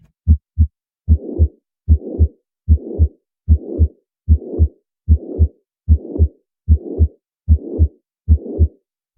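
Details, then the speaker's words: Teaching audio sample of the holosystolic regurgitant murmur of mitral or tricuspid regurgitation or ventricular septal defect: regular heartbeat near 75 a minute with a blowing murmur filling the gap between first and second sounds. "starting with mitral and tricuspid regurgitation as well as ventricular septal defect instead of keeping the blood where that where it belongs in the ventricles you get this regurgitation sound"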